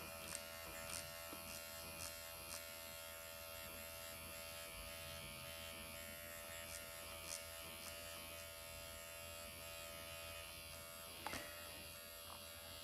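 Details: Steady high-pitched electric buzz with faint clicks: an MD Needle Pen automated microneedling device running at 1 mm needle depth during facial self-treatment of the forehead and eye area, over hyaluronic acid after numbing cream, causing some erythema.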